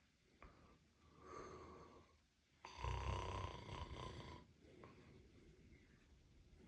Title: Snoring cat! #pet #cat #catbehavior